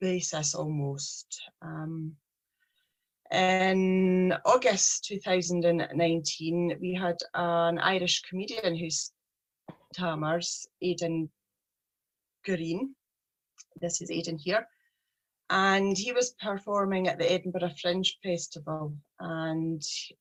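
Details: Stuttering (stammering) in a 43-year-old woman with a speech problem since age three.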